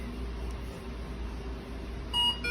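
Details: CARAT Pro Hoffrichter ICU and transport ventilator, suitable for children, during sensor calibration: a steady machine hum with a short electronic beep near the end.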